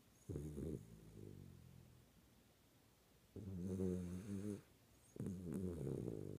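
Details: Low, rumbling snores on each breath in with quiet pauses between, from a sleeping Schnauzer dog; snoring.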